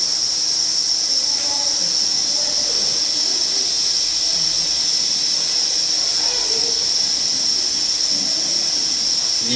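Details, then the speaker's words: Tinnitus sound-therapy noise from hearing-aid fitting software, demonstrated in a lecture: a noise shifted higher, lower, sharper and deeper so the patient can pick the most pleasant one. "sentite come cambia il rumore più alto più basso più acuto più grave Insomma uno trova quello che dice Ah questo mi piace"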